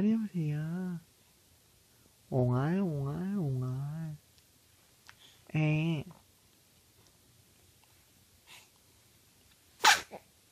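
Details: Young baby who has just begun babbling gives one short, sharp sneeze after father coos and babbles in sing-song tones.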